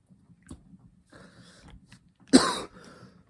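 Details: Adult taking cannabis "blinker" hits: faint breathy throat sounds, then a single sharp harsh irritant cough after inhaling smoke.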